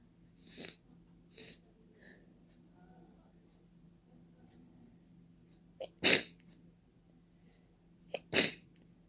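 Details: Four sharp, wet sneezes, two softer then two loud, each with a quick intake; open sneezes without any tissue, person resisting blowing their nose.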